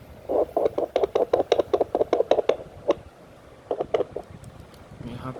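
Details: Fetal heartbeat through a handheld fetal Doppler with a rechargeable battery and LCD display, a device described for use above 16 weeks of pregnancy: rapid, rhythmic whooshing beats.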